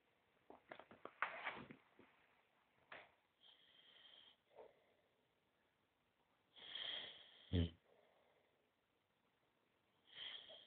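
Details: 9-month-old male Boxer dog asleep: irregular snorting, sniffing breaths with a few louder rattling snores; snoring.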